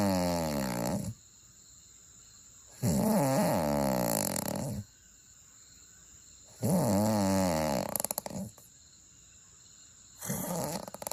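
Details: Person snoring softly in sleep: rhythmic rattling snores about every four seconds, roughly 16 breaths a minute, with quiet gaps between; ordinary adult snoring.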